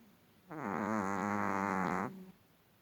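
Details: Long-haired Chihuahua, a small dog sleeping quietly, suddenly snoring very loudly; owner says the vet found nothing wrong. One drawn-out, buzzy, vibrating breath sound at rest: snoring.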